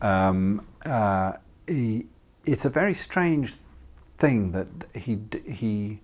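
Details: Adult who has stammered, chair of the British Stammering Association; hesitations and repetitions heard; stammering (stuttering).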